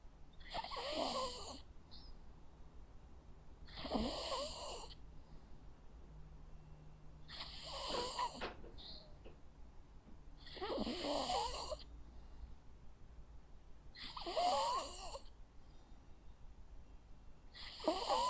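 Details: Sleeping Jack Russell Terrier dog: soft rhythmic snoring, about 18 breaths a minute, quiet room background; normal sleeping sound.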